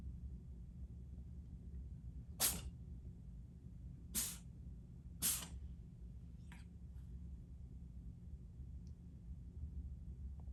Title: Cat sneeze lol